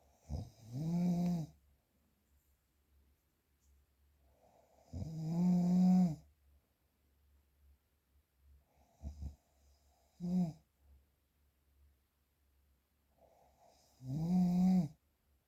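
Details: Loud, low, droning snores on the in-breath at irregular intervals, about 4 to 5 in 15 seconds, with quiet breathing between; real unprocessed recording of snoring.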